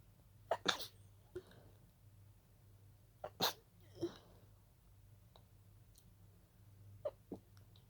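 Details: Breathy stifled sneezes: several short, suppressed sneezes in quick succession against a low room hum, a sneezing fit that started as pollen allergy.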